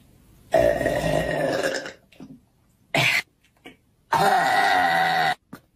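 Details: Female wrestler's loud burps: three loud, long, rumbling burps, one short and two over a second each, with gulps of air between them.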